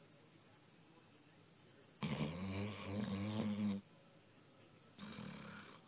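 A single long, rough, growly snoring breath from a sleeping dog, then a fainter second breath, over quiet room noise.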